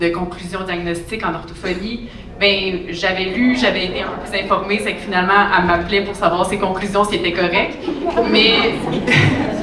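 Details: Adult woman; typical speech.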